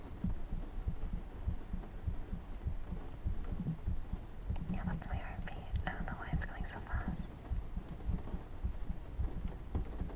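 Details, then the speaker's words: Own heartbeat, recorded close to the chest while nervous during an ASMR recording, racing quick and deep at about 100 a minute with soft whispering: fast heartbeat. "Okay, that was honestly a little embarrassing. I don't know why my heart was racing so hard."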